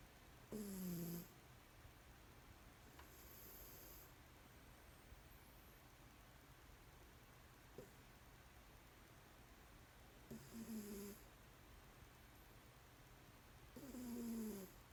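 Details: Sleeping cat snoring on a blanket: soft, brief snores recurring about every three to four seconds with quiet breathing between; gentle, harmless snoring.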